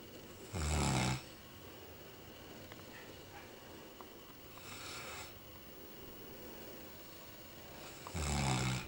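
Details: Snoring in Chester, a Newfoundland dog asleep on a Chesterfield sofa: three low, rumbling, pig-like snorting snores several seconds apart over a steady room hum.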